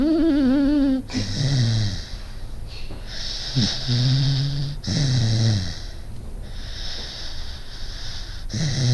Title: Meu cachorro Pingo roncando / My dog Pingo snoring